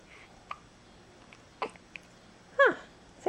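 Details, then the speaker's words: Male with hiccups, which others suggest came from drinking too much: a few sudden, sharp hiccups, the last with a brief voiced squeak, in a quiet room. "hiccups see i don't know why i had the hiccups"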